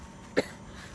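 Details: One short, sharp cough in a quiet room from a traveller just arrived in Kerala from West Africa, who reports throat pain, severe headache and feeling unwell; an isolated cough.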